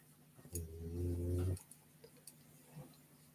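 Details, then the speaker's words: A sleeping dog snoring in a quiet room during a live chat: a single loud, low rumbling snore lasting about a second. "you can hear any snoring it's uh Trixie she's snoring and I don't even know where Rosie is she's probably on my bed making go"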